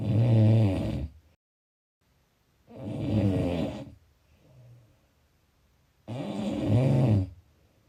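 Three loud, low, rattling snores on breathing in, with quiet breaths out between them, about one every three seconds: snoring.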